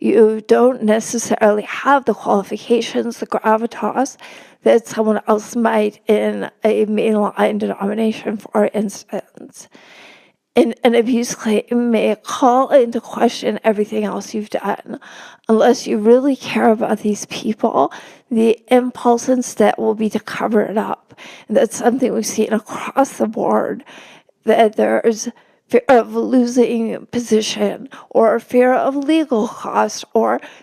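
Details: Adult woman with spasmodic dysphonia, real, speaking in a podcast interview; she notes it makes her sound nervous though she is not; spasmodic dysphonia.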